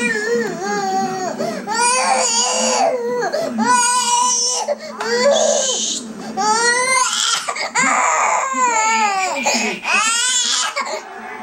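Loud, sustained wailing cries in repeated bursts with brief gasping breaths between them: an infant crying.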